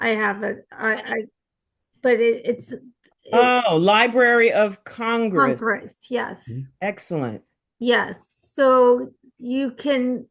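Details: Real aphasia in an aphasia support group participant speaking conversationally, with hesitations and word-finding pauses; aphasia.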